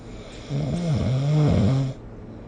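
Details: Snoring recorded with the SnoreLab phone app: a single long, low rumbling snore of about 1.5 seconds, with a fluttering, buzzy quality on inhalation.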